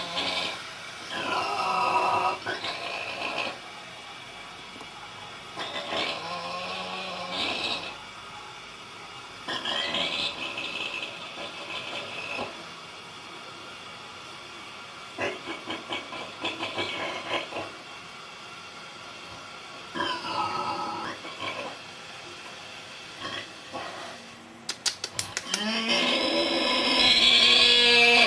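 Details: Sleeping Vietnamese pig snoring in rhythmic bursts about every five seconds, each with a grunting, rattling quality.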